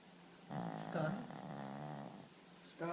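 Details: Shih Tzu dog snoring loudly in sleep: a drawn-out, vibrating, groaning snore-like breath with a slight whine over quiet room noise.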